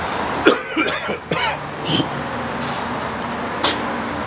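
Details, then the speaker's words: Several short, loose, throaty coughs and throat-clears with mucus in the throat, recorded outdoors against traffic by a person still getting over a cough and feeling slightly ill. "I've moved outside because I'm just coughing too much."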